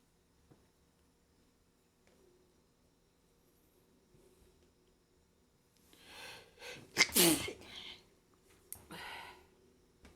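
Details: Person feeling very sneezy today: a quiet stretch, then a quick breath in and one sharp, explosive sneeze with brief noisy breaths after; sneezing.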